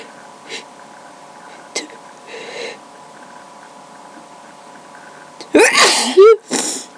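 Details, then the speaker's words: Two sharp explosive sneezes in quick succession in a quiet room, part of a spontaneous sneezing fit from a nose tickle, no allergies, recorded on webcam; powerful enough to cause dizziness. "My nose just tickles a lot, so so I'm sneezing. Oh, this is crazy. That was powerful."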